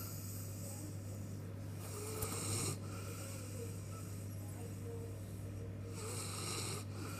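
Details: Newfoundland dog recovering after general anaesthetic snores with two rough, rattling breaths over a steady low electrical hum; snoring.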